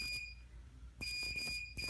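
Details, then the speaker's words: Dermatology office procedure by a board-certified dermatologist on a skin bump with a part sent to confirm: steady high-pitched electronic tone in bursts, electrosurgical unit running during electrodesiccation of the wound. "careful my foot buzzing noise you're going to hear just it a little bit"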